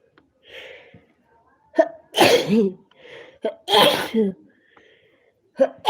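Two forceful sneezes, each after a sharp in-breath, then the start of a third; repeated sneezing in an allergy fit.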